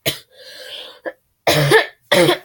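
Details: A few harsh, voiced, honking coughs likened to a moose call from a very sick teenage girl with sore throat and congestion.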